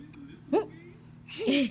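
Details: A female laughing at her own hiccups: two short, sharp voiced catches about a second apart, with light laughter-like sounds.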